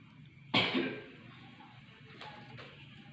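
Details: One strong deliberate cough followed by two faint breaths out as a nurse coaches an adult female patient through deep breathing and effective coughing to bring up mucus; effective cough exercise.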